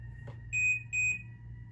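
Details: Two short high beeps as a LIFEPAK CR2 AED trainer is opened and powers on, its alert tone before adult-mode voice prompts begin; training demonstration, not a real patient.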